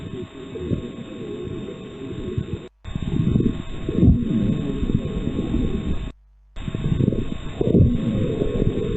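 Simulated breath sounds in repeated low, rough cycles, with scattered short popping crackles through each breath, consistent with pneumonia crackles.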